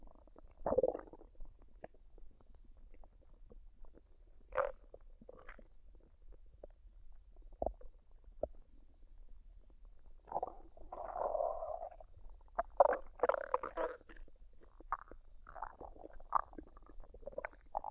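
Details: Woman's belly after a fried rice and duck dinner, unedited with no added sounds: quiet irregular gurgles, squelches and rumbles, with some longer bubbling runs; normal bowel sounds.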